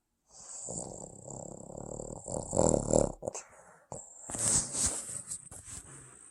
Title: snoring sleep boston terrier